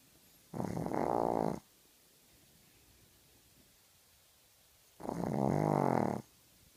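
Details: A sleeping dog snoring: two long, loud, rattling snores about four seconds apart, separated by quiet.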